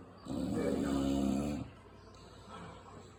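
One loud, rough, rumbling breath lasting over a second, followed by a softer, quieter breath: a flat-faced dog snoring.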